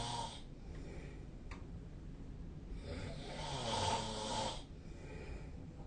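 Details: Snoring during sleep, recorded with the SnoreLab app on 2025-03-23.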